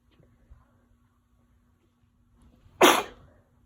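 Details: Person with a winter cold, headache since morning and sneezing fits every 10 minutes: a single sharp, explosive sneeze after quiet seconds, faint background hum: sneezing.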